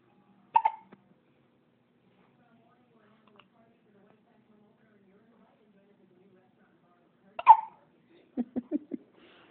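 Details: Two sharp, abrupt hiccups about seven seconds apart in a quiet room, followed by brief soft vocal sounds.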